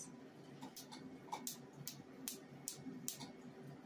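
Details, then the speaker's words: A home Q-switched Nd:YAG laser is used for a second session on a tattoo after icing and numbing. It is fired by foot pedal a couple of millimetres from the skin, giving sharp, regular snapping clicks about two to three per second. "I made sure that it's filled with water it has a foot pedal look at the foot pedal all right push ready try not to start a fire in the house"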